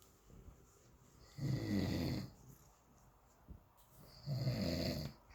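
Two deep, rumbling snores about three seconds apart, each lasting under a second, with quiet breathing between.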